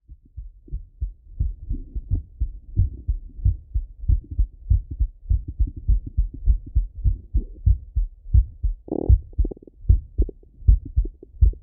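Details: A male's heart heard through a stethoscope while he lies on his left side: steady, deep lub-dub beats with one brief scraping noise partway through; normal heart sounds.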